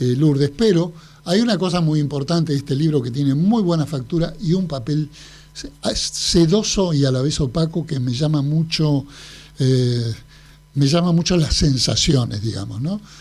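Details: Adult man speaking Spanish; ordinary speech.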